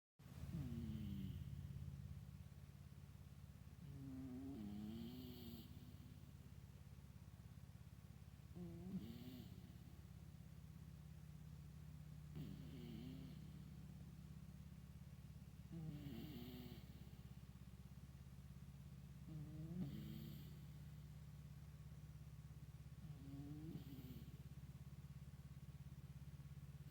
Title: Deep sleep cat snoring(volume up)